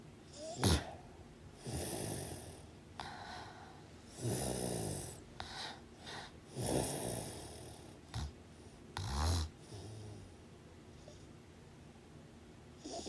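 Irregular, soft snoring and snorting breaths with whistling, uneven rhythm over background hiss; snoring.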